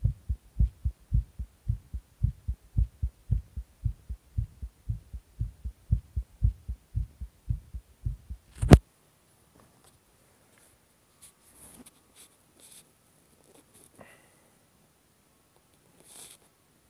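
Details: Rapid heartbeat after taking stimulants: regular low thumps about 110 beats a minute for nine seconds, then near silence.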